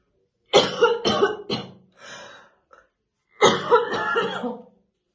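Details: Two bursts of heavy, harsh, deep coughing, about seven coughs with a gasping breath between, from a woman brushing her hair in the morning; a smoker's morning coughing fit, stated to be real.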